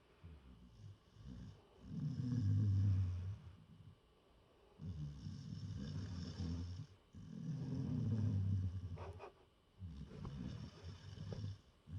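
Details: Gerty snoring while lying in a person's lap: low, rumbling snores in long bursts with quiet pauses between them, about 5 to 6 breaths a minute.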